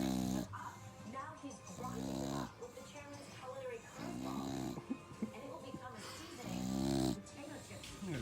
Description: Snoring Dog. I played this back to her while she was sleeping and it woke her up...Taste of your own medicine girly!